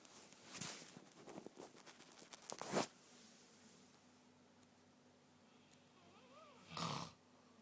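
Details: Loud, harsh, rattling breath noises from a man snoring come in bursts separated by quiet pauses, in a small room.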